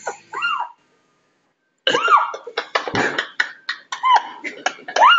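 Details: Chihuahua with hiccups: repeated short, sharp throat catches in quick succession with brief voiced squeaks between them; hiccups.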